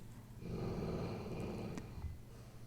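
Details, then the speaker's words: A dog snoring while asleep during a live watercolor painting session: a single low, rumbling snore over a second in a quiet room: ordinary snoring. "you guys hear the dog snoring not tom this time"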